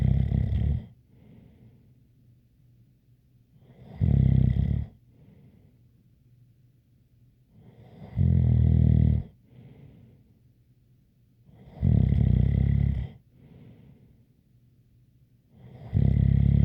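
Deep, rumbling snores about every four seconds, roughly fifteen a minute, with a faint whistle and softer breaths out between.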